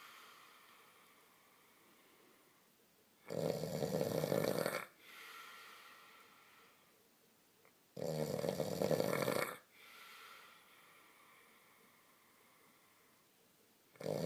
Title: Snoring: keep this guy off his back.